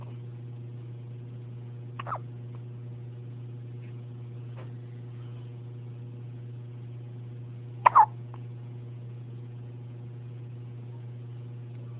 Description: First hiccups out of the womb. Just born feb 14th, 2011.